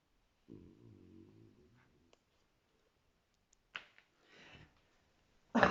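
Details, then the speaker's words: A single drawn-out, low rumbling snore from a sleeping dog, then a softer breath, a few clicks and a sudden loud noise in a quiet room with the TV on: snoring. "vous voyez je vous mens pas quand elles ronfle et j'entends même pas la télé quoi qu'il y a la télé voilà les boubous ça ronfle"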